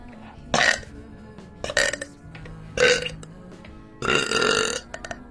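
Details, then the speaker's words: A woman burps deliberately for a thank-you video: four voiced belches separated by short pauses over quiet background music. "so this is a big long thank you burp video uh to let y'all know what's going"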